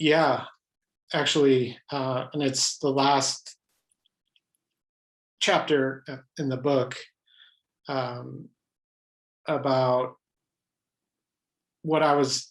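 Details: Adult man who has stuttered all his life, pattern mostly blocks, with highly variable stuttering; stuttering.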